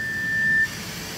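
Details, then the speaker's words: Hamilton T1 ventilator pre-use check, flow sensor calibration with the sensor flipped: steady high tone over soft hiss, then hiss alone, as airflow moves the sensor's membrane. "咁其實呢個 test 咧就 cal flow sensor 啦 ，cal 藍色呢一嚿，佢裡面咧有一塊透明嘅三角形 membrane 咧，咁就喺度擺動佢 cal flow 啦。"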